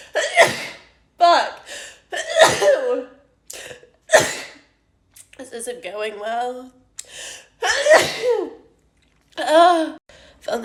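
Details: Several short, explosive nasal bursts with gasps and brief vocal sounds between them: repeated uncontrollable sneezing from a girl doing a self-administered COVID-19 nasal swab test.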